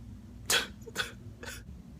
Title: I JUST WANTED TO SNEEZE!!!